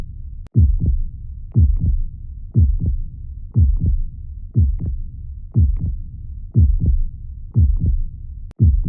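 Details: Normal heartbeat, offered as a soothing sound for calming fussy babies: a steady, regular lub-dub at about 60 beats per minute over a soft, low hum.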